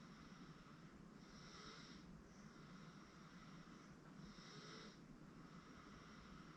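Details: 8-month-old girl asleep on a futon: soft, rhythmic snoring breaths over steady background noise; gentle infant snoring.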